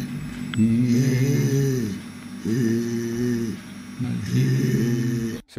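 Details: Reinke's edema voice, with bloated, polypoid, grape-like vocal folds; Reinke's edema is usually caused by chronic smoking.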